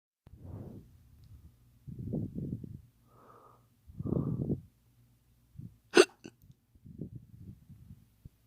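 A few sudden, sharp gulping hiccup sounds mixed with breathy noises, an imitation rather than real hiccups.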